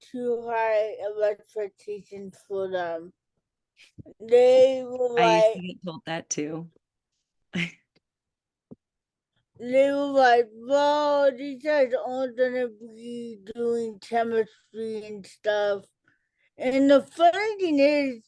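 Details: Adult woman, an educator and author with cerebral palsy, who had a childhood speech delay treated with intervention, speaking in a real interview: dysarthria in cerebral palsy.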